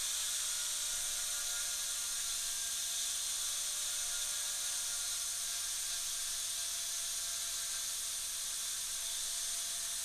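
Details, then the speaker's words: Dental drill: high-speed bur steadily whining while dropping the proximal boxes to about half the bur length in a Class II MOD preparation on tooth 29, a mandibular second premolar; bench teaching demo with the tooth held by hand. "take the diameter of the burr much smaller tooth we can just drop and go about half the distance of the burr careful of your finger"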